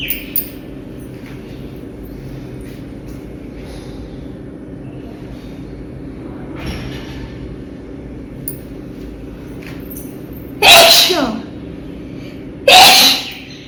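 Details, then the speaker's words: Sneezing during a sneezing and nose-blowing challenge: faint sniffs over quiet room hum, then two sudden loud hissing sneezes a couple of seconds apart. "So guys, sneezing and nose blowing challenge part 18."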